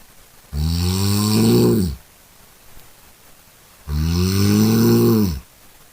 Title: Today I Don't Feel like doing anything...... #cute #cat #snoring #funny #funnycats